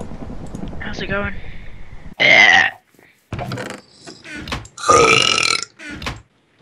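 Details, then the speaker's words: Compilation of deliberate burps from gamers: several loud, drawn-out voiced belches between talk and laughter; burping. "Mine and burps combined. Burp. That was not a hiccup."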